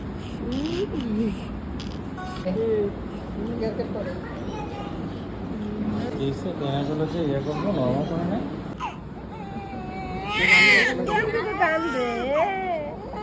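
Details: Newborn delivered normally: thin, wavering newborn cries rising over adult talk and room noise just after birth.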